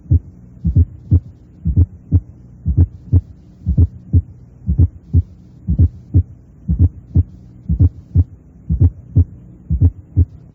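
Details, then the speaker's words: Simulated heart sounds at about 60 a minute, each beat led by a soft low extra sound just before the first sound: left atrial fourth heart sound (S4 gallop), louder in expiration and waxing and waning with respiration. "El ruido auricular izquierdo es más intenso en la expiración. y muchas veces solo es audible durante esta fase respiratoria. Escuche el aumento y disminución del ruido auricular con la respiración."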